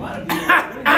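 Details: An adult gives a few brief, harsh cough bursts within about a second, close to throat clearing.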